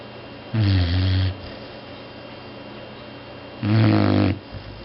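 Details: Cat that snores loudly when tired: two loud, low, rumbling snores, each under a second, separated by a quiet pause, over steady room hiss; snoring.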